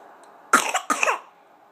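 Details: Two quick, harsh cough bursts from an adult, close together, in a quiet room.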